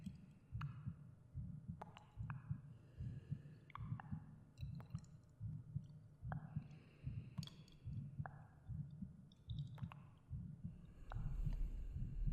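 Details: The creator's own heartbeat recorded for a binaural ASMR meditation: muffled, regular low thumps about 74 per minute under soft breathing and echoing clicks; a normal resting heartbeat.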